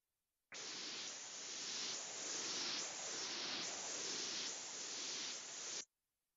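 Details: Loud, harsh rushing Doppler hiss pulsing about 72 times a minute with little quiet between beats, sampled at the internal carotid artery; high-velocity flow of severe internal carotid stenosis.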